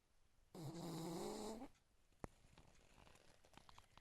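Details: Snoring: one long, droning inhaled snore lasting about a second, then a quiet room.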